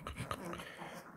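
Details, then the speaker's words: Iberian Mastiff puppy, 2½ weeks old: noisy breathing with soft snuffling, grunting sounds on each breath, like its mother made when small, in a quiet room. "Die Kleine, die Alina, die macht wie die Mutter, wo sie klein war. Diese Atemgeräusche, hört ihr das?"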